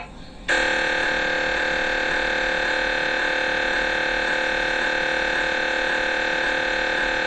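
A loud, steady, rapidly repeating electronic buzz starts abruptly and holds. This is the normal noise an MRI scanner makes while imaging.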